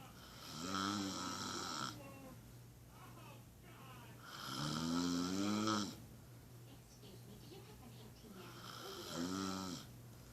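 Loud rattling snores on the in-breath, three in ten seconds, with quiet gaps between; a steady low hum in the room.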